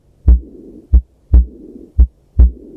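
Low, slow heart sounds with a soft blowing murmur trailing one sound, the murmur of aortic regurgitation.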